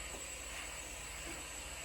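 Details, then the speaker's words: Wall suction turned on and checked under 150 (about 140–145) before closed endotracheal suctioning of a ventilated patient on high PEEP and high FiO2: steady airy hiss with a thin high whistle. "Going to turn this on, check again that it is under 150, which is at about between 140 to 145, which is good."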